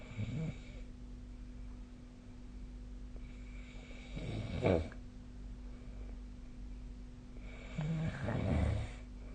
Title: 🐽 いびきの音 / Snoring Sleep Sound 2025/05/16